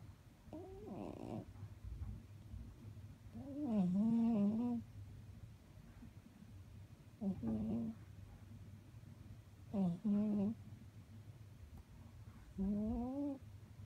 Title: snoring